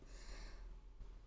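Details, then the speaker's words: Sleeping dog heard in the background, dreaming: a low, rough snorting breath over quiet room noise; ordinary snoring. "I'm sorry you can hear the dog in the background she's snoring her head off sorry Melody's just having a lovely dream"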